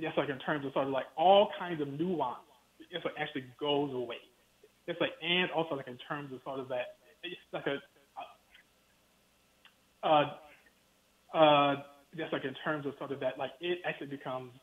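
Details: Stuttering in an adult man with a lifelong stutter he has worked his whole life to overcome, heard during an interview; the format is described as difficult for him because he relies on visual cues.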